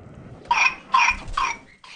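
Three harsh, rapid cough bursts in a row from a child, fitting the paroxysmal coughing of whooping cough.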